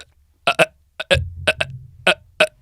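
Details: Adult man deliberately imitating the stutter he had at 15: a debilitating, performance-anxiety stutter that struck after about three minutes of speaking and lasted around 30 seconds; acted stuttering with speech blocks.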